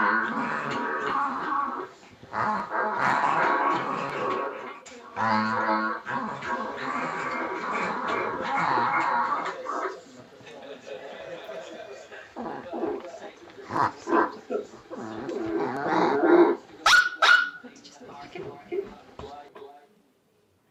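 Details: Reverse sneezing.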